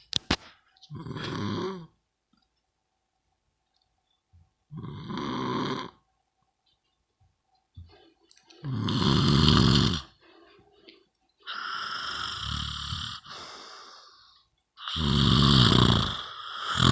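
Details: Loud, rough snoring on breaths, separated by pauses of a few seconds, in a quiet room; snoring.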